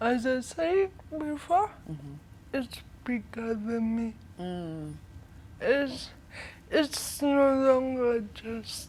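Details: 25-year-old woman with cerebral palsy from birth brain damage due to lack of oxygen during her mother's prolonged labor, affecting leg and hand movement, coordination and speech; dysarthria.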